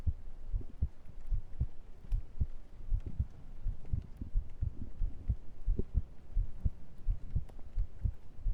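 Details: ASMR recording of the streamer's own heartbeat, picked up by a microphone against the chest: a steady low thumping at about 87 beats per minute; normal heart sounds.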